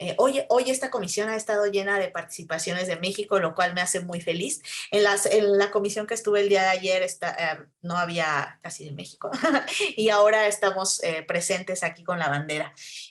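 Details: Adult woman speaking Spanish; normal voice.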